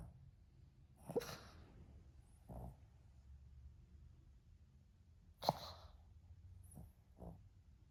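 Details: A sleeping dog, possibly sleeping with its eyes open, snoring: a few sharp snorting breaths and softer huffs at irregular intervals in a quiet room.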